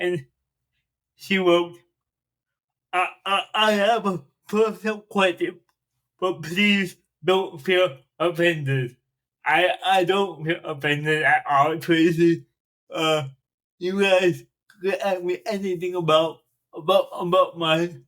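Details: Dysarthria in a 42-year-old man with cerebral palsy since birth, which he says affects his speech; he makes an effort to enunciate and speak louder when recording.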